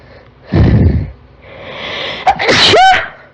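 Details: Allergic girl's huge sneezing fit, set off when she turned on a desktop computer: a loud breathy burst, a rising in-breath, then a second sharp voiced sneeze, mostly uncovered. Repeated allergic sneezing.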